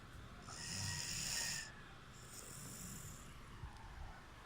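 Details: Snoring recorded June 2, 2019: soft snoring with a hissing, whistly breath on one cycle, over a quiet room hum.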